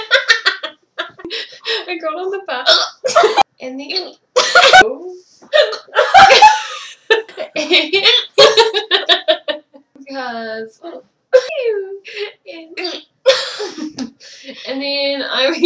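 Several sudden, sharp vocal catches break into talking and laughter, typical of hiccups.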